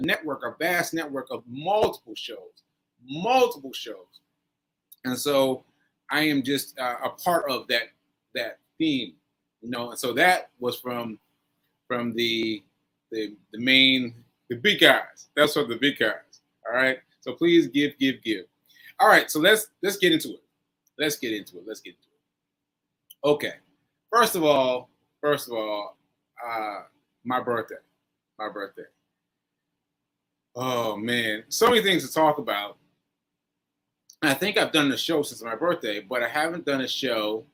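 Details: Aphasia in a man almost one year after a stroke on 7/14/22; this stretch shows word-finding pauses and fillers.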